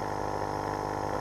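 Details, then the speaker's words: Home nebulizer compressor running during a demonstration of a correctly assembled nebulizer kit producing mist, as used for COPD or other lung disease, with treatment taking 10–15 minutes: steady mechanical hum and buzz, the normal operating sound. "I'm gonna go ahead and turn this on and demonstrate what it should look like and sound like if you have your kit correctly put together"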